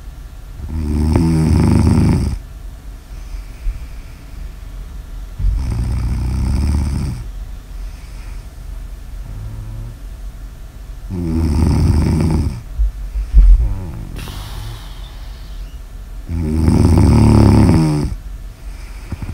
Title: Snores Audio ASMR